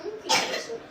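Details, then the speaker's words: Young boy kept home from nursery for heavy coughing to the point of vomiting, with much phlegm, getting nasal washes: single short loose, phlegmy cough; wet productive cough. "Vous entendez? Il a beaucoup de glaire, en fait. Donc, du coup, je fais les lavages et tout."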